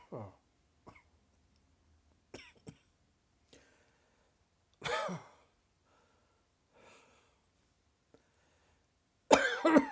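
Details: Sudden dry, tickly coughing fit that came on just after lunch: a run of short, dry, unproductive coughs at irregular intervals, ending with a louder burst.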